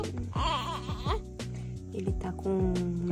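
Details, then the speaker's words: Baby twin crying from hunger while his formula bottle is prepared; he usually takes about 60 ml, up to 90 ml when very hungry: infant hunger cry. "vamos lá que já dá para escutar o chorinho é fome chegou a chorar de fome"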